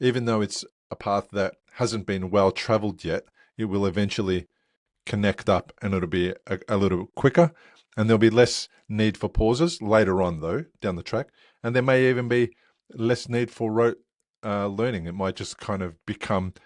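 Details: Adult male speaker; speech.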